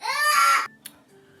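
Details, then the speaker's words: Baby with a cold, irritated: a brief, loud infant cry with a strong tonal wail, then quiet room noise. "I'm sorry, y'all. My daughter, she has a cold. And both of them have colds. And you know, when babies have colds, they are irritated."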